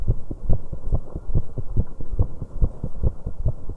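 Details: 19-year-old woman's heart after an exercise bike workout: fast pounding heartbeat, about 140 a minute, with uneven spacing between some beats; rapid heartbeat with irregular rhythm, premature beats (extrasystoles, tagged PVC).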